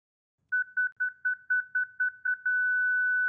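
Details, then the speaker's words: ZOLL Zenix EMS monitor/defibrillator in manual mode, synchronized cardioversion with energy selected and Charge pressed: a fast series of same-pitch beeps turning into a steady tone as it charges and becomes ready to shock. "Choose the desired cardioversion energy using the Energy Select key. Next, press the Charge button."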